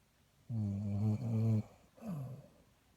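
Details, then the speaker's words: Sleeping female snoring: two drawn-out, low, voiced snores with a tonal, moaning quality, one longer than a second; noisy snoring during sleep. "She's snoring. Shh."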